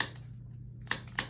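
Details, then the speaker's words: Chiropractic activator instrument giving sharp spring-loaded clicks while the parent holds the infant, adjusting the neck; pediatrician referral for neck immobility, head favoring one side and early misshapen head, restriction attributed to childbirth. "what what we're going to do is you're going to hold him and as you hold him I'm going to go through using the activator and just gently go through what I find"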